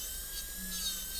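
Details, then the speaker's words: A high-speed dental handpiece whines, with a brief lower grinding note on contact. It is cutting an offset step near the lingual margin of an MOD gold onlay preparation on a soft Kilgore preprepared typodont tooth, in a class demonstration. "So, to do that, we're going to cut what's called an offset or a truss."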